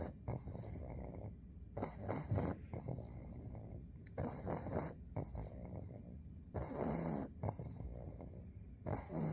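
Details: Pug sleeping under a blanket, snoring: repeated low, rattling snorts with each breath, about 25 a minute, some rough and growly.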